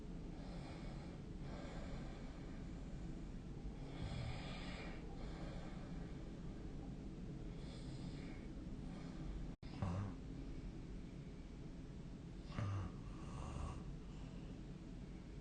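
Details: Person snoring during sleep, recorded with the SnoreLab app: soft, low snoring breaths every few seconds over a steady background hiss; mild snoring.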